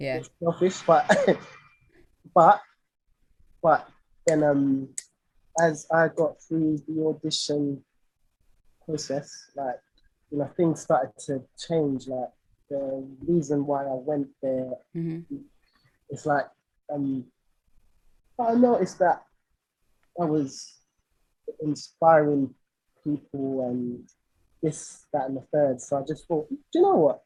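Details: Stuttering (stammering) in an adult male singer with a lifelong stammer, which he says was worse when he was younger; his own conversational speech.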